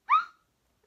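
A single brief high-pitched squeak, a simple vocal tic of Tourette syndrome.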